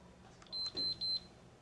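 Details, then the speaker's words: A soft key click, then three short high-pitched beeps as the run/pause key is pressed. This is the EnteraLite Infinity enteral feeding pump starting a G-tube feed for a child whose intestines don't absorb food properly. "connect the adapter to the feeding tube and press the run pause key and now he's ready to go"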